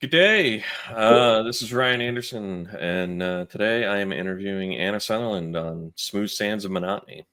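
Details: Adult male speaker; normal speech.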